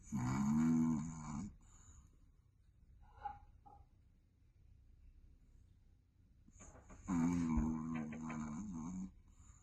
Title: Royal Snoring: His Majesty Richie is resting#Dog Snoring #Rich Snoring #Chihuahua Life #Cute Pet